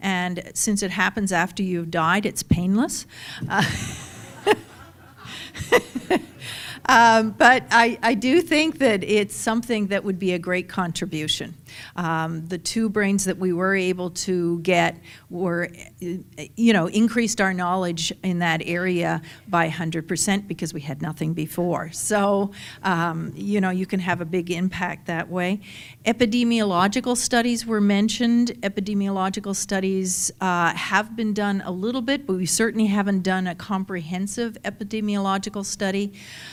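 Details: Adult woman speaking; typical speech.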